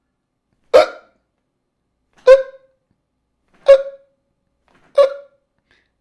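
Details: Imitated hiccup, demonstrating the sound of an involuntary diaphragm contraction.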